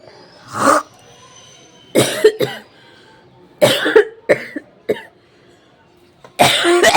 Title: Hocking, Spitting and Coughing Video 👃🤧 most viral requested video 📷